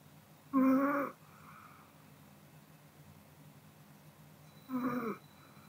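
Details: A sleeping Pomeranian dog gives two brief, slightly whistling nasal snores separated by quiet breathing; ordinary sleep snoring.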